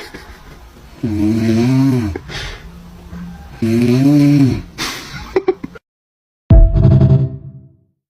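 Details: Dad snoring: loud, deep rattling snores, two long breaths about three seconds apart, then a brief pause and a shorter snort.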